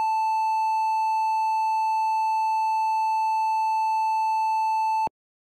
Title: Heart Monitor Beep Failure -Sound Effect (HD) [No Copyright]